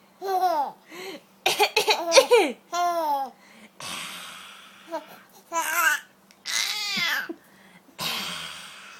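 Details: A 5.5-month-old infant who finds coughing funny: short, deliberate cough-like bursts mixed with giggles and babbling, a playful voluntary cough, not illness.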